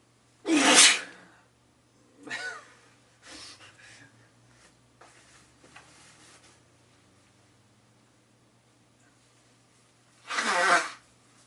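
Two forceful, explosive sneezes about ten seconds apart, with quieter breathy sounds and sniffs between them in a quiet room.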